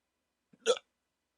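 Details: Rare hiccups on waking after sleeping in a CPAP mask for sleep apnea: a single short, sharp hiccup with a quick voiced catch.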